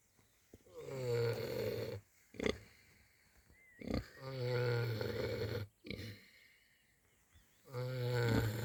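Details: Two sleepers snoring happily on a warm spring evening: deep, loud rumbling snores on each breath in, about 17 a minute, with quiet gaps between; steady snoring.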